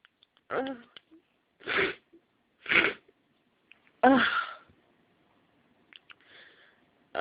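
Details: Morning hay fever sneezing fit before taking antihistamine: four loud sneezes in quick succession with sharp inhaled build-ups, then a soft sniff; sneezing from pollen allergy.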